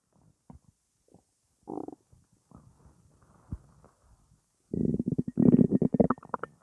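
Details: Irregular gurgling and bubbling rumbles from the abdomen, louder toward the end, said to be just gas: stomach rumbling, borborygmi.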